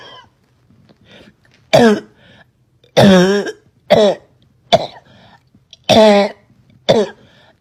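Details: Six harsh, hoarse barking cough bursts separated by pauses from a girl with a persistent barking cough she couldn't stop; choking and gagging also described.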